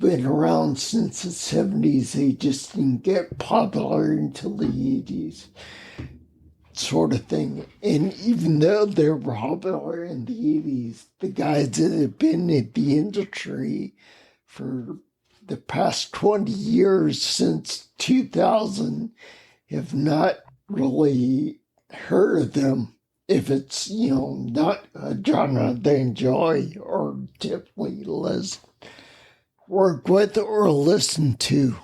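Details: Adult man with spinocerebellar ataxia, a rare neuromuscular disease, with mobility challenges and speech impediment for over 20 years; ataxic dysarthria.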